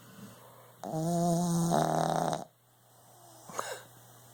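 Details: Sleeping puppy, a heavy sleeper, snoring: one long, tonal, buzzing snore on the in-breath, then a short snort; snoring.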